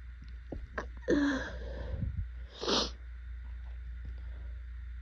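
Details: Adult with severe pollen allergies, swollen eyes and burning throat: a wet, forceful allergic sneeze with sharp intake before and a snort after, over a steady low engine-like hum.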